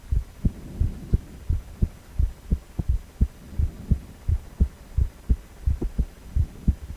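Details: Adult male heart on cardiac ultrasound, 4-chamber view: regular, rhythmic low thumping pulses with a soft whooshing hum, about 87 a minute; heartbeat.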